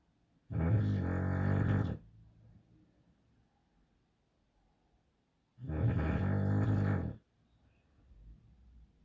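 Two long, loud, rumbling snores about five seconds apart, with quieter breathing between them: snoring in a sleeping bulldog.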